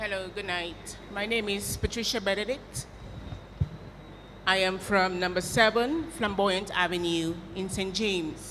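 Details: Adult woman speaking; Normal voice.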